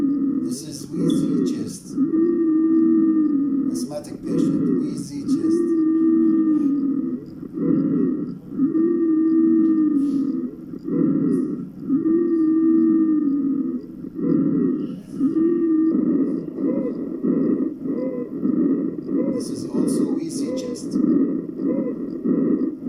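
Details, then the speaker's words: Normal vesicular breath sounds played on a skills-lab heart-and-lung sound manikin (simulated). "الآن سنسمع إلى normal vesicular breathing or normal vesicular"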